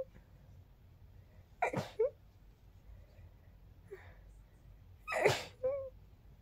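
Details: Two sharp, explosive sneezes, each preceded by a quick indrawn breath, in a quiet room; sneezes described as girlier than expected; sneezing.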